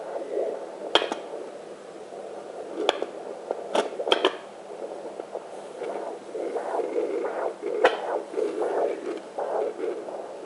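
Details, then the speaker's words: Home fetal Doppler, probe low on the left near the hipbone: rhythmic whooshing pulse, about 116–118 a minute, the mother's own arterial blood flow, often mistaken for the baby's heartbeat. "It'll register pretty fast too registers about 118 116 beats a minute and what that is is you're hearing the blood flow in and out of the artery so it's fast and a lot of people mistake that as the baby but it's not the baby"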